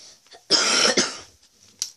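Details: Coughing from a person who apologizes for a hoarse voice.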